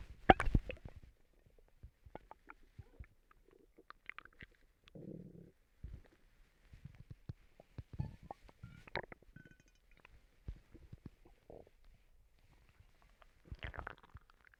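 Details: Stomach rumbling (borborygmi) from a person recently sick and vomiting: irregular gurgles, squeaks and bubbling rumbles from the belly in a quiet room as gas and fluid move.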